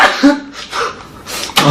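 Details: A K-pop idol sneezing: a short voiced intake followed by a sharp, noisy sneeze burst at the end; an ordinary sneeze.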